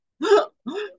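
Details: Two brief, squeaky whistling voice sounds imitate a wheeze, the musical noise of airways narrowed as in COPD or asthma, as taught in a respiratory breath-sound class.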